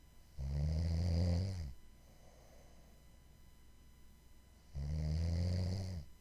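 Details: Two loud, low, rattling snores on breathing in, about four seconds apart, with quiet breathing out between them: ordinary snoring.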